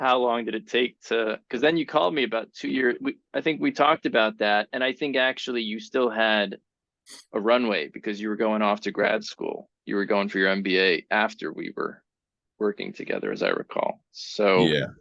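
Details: Adult male speaker; ordinary speech.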